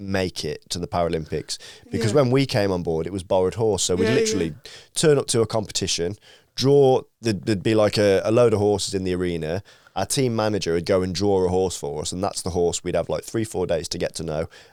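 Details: Adult male speaker; Normal speech.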